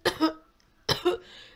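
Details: An adult with tracheitis for several days gives two harsh double-phase cough bursts about a second apart, each with a rough voiced tail.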